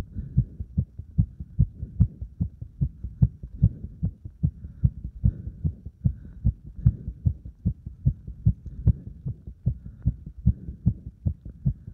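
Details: Heart sounds recorded after burpees followed by deep squats to exhaustion; rapid heart sounds after exercise.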